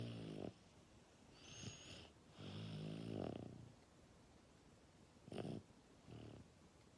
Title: Nice Snoring